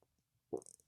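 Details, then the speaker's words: Audible stomach rumbling (borborygmi) from an adult who skipped breakfast: a brief low gurgling rumble with a faint rattling tail. "but then that was my stomach. Did you hear that? I didn't eat breakfast this morning."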